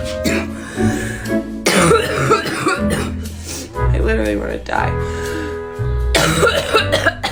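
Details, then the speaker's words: Young woman with bronchitis, with a persistent congested cough every few minutes that hurts her throat and chest and leaves her short of breath: wet productive cough. "It actually hurts. my throat and my chest so bad when I cough."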